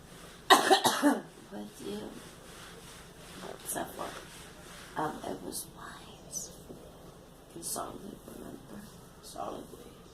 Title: Girl coughing